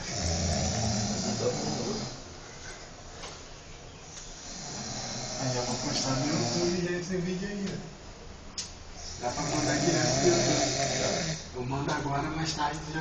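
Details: An adult man snoring asleep at work: loud, harsh, rattling snores on long breaths, about three in the span, over steady background noise.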